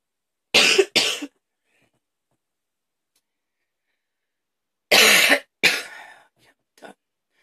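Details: Hard, harsh coughing fit in the afternoon, leaving the person tired: two pairs of forceful coughs separated by a few seconds of silence, with a faint gasp after the second pair.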